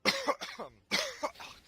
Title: Cough Cough